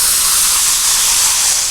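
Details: Speech and language expert imitating a stuttering prolongation, stretching out the word "phone"; stuttering prolongation (imitated).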